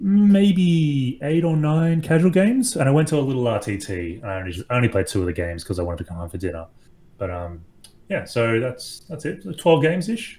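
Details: Adult speaker, casual conversation; normal speech.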